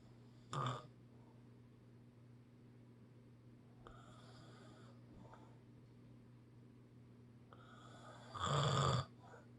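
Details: Snoring: two loud, rough snorting snores about eight seconds apart, with softer breaths between, over a steady low room hum.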